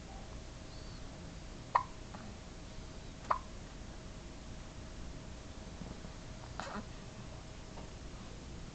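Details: Hiccups: two or three brief, sharp hiccup clicks about every second and a half, over quiet room noise.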